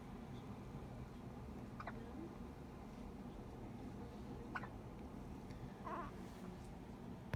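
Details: Two-day-old newborn baby hiccups: soft, sharp little catches every couple of seconds over steady room noise.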